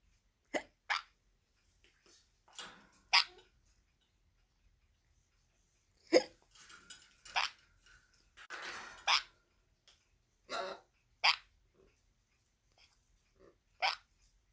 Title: Chirpy sun conure copies owner's hiccups #birds